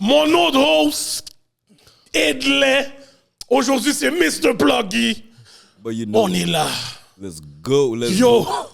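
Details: Adult male speaker; typical speech.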